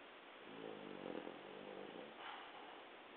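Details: French Bulldog asleep giving one low, rattling snore on inspiration, then quieter breathing; stertor that was very loud as a puppy and lessened with growth, owner unsure if breathing noise or snoring.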